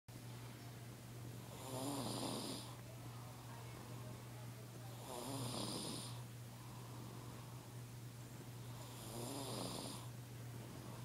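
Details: Sleeping baby snoring: soft, rhythmic snores, three breaths in about eleven seconds, over a steady low hum; mild snoring.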